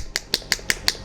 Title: Compressed Air Shock Wave Therapy Device Overview by Areton-ltd